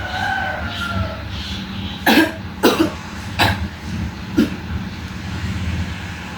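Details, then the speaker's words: Nursing role-play of effective cough technique, seated adult woman, right hand on chest and left on abdomen, three deep breaths then cough: four short, forceful coughs to clear secretions; acted, simulated. "tarik napas tiga kali dan yang ketiga itu dibuang ya Bu batuk"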